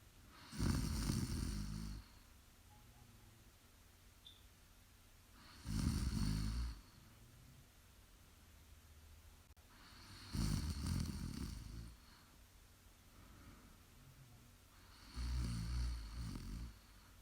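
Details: Loud, low, rattling snores recur every four to five seconds, about 13 a minute, over a steady background hum: regular snoring during sleep.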